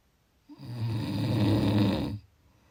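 A single long, low, rattling breath lasting about a second and a half: a snore.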